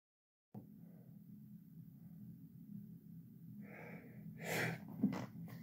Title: Man sneezing